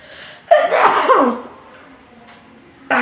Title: Sneezing challenge